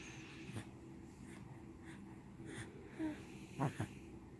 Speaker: Falling asleep, baby. Hiccups, huh?